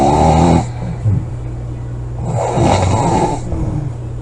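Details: Snoring recorded July 25 2017: very loud, harsh, rumbling snores on breathing in, with a quieter rough breath between; heavy snoring.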